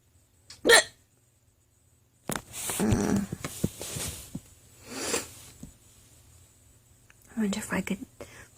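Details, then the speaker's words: An adult woman's sudden short hiccup bursts break into soft, quiet speech; she says running around and stress sometimes give her hiccups and make them last longer. "I think um running around and being stressed out um sometimes gives me hiccups I don't know why I don't know why that would be the case but it is"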